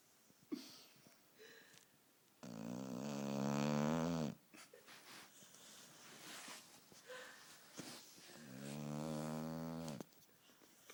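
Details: Sleeping dog, possibly dreaming, owner jokingly wonders about a sinus problem: long, whistling, tonal snores on the in-breath with soft snuffling between them; snoring.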